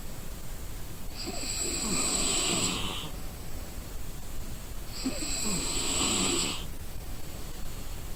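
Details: Exhausted person sleeping: two long, hissing, rattling snores about four seconds apart, roughly 15 breaths a minute; snoring in sleep.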